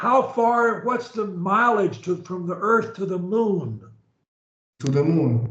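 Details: Adult; Fluent speech.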